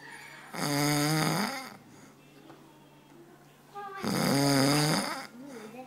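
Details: A dad's snoring during sleep: two loud, rough, rattling snores on breathing in, with quieter breathing between; ordinary snoring.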